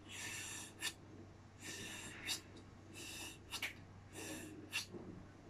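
Imitated normal vesicular breathing. A longer soft breath in runs straight into a short breath out, with no pause between them.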